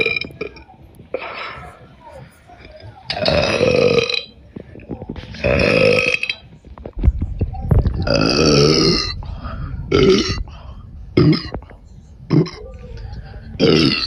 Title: My burps (stomachache)